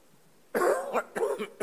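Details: Adult man coughing for about 10 seconds during a parliamentary speech: two harsh cough bursts, the start of a coughing fit.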